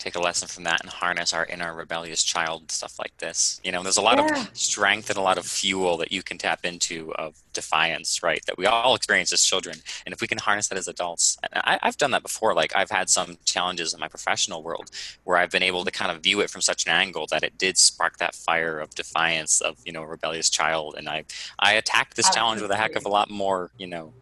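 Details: Adult male speaker; ordinary speech.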